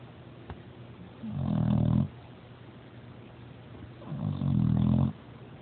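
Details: Sleeping pet dog snoring: two loud, low, rattling snores about three seconds apart, each on an in-breath.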